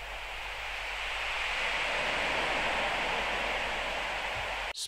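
Steady, soft rushing noise like distant surf, ending abruptly; a seaside relaxation sound from a hearing aid's tinnitus relief program.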